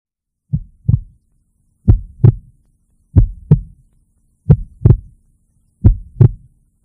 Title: Heart Beating.